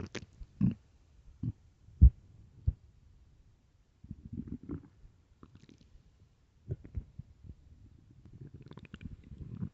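Low gurgling rumbles and squelches in irregular bursts with quiet gaps: stomach growling from an empty stomach during hunger, a normal sound.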